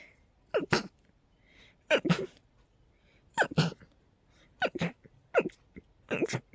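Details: Rapid, over-the-top sneezing, possibly from a cold, high pollen count and dust; six sharp sneezes in quick succession, about one a second, each with a brief in-breath before the burst; repeated sneezing.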